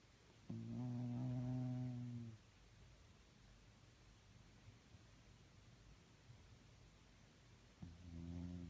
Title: Snoring and sleeping cats makes weird noises 😂😻